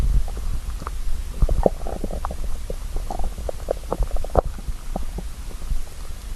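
Low rumbling with scattered gurgles and squeaks over soft hiss, a hungry stomach growling, a normal finding.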